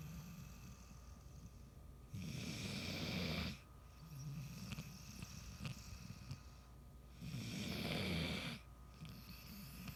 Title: Snoring Lily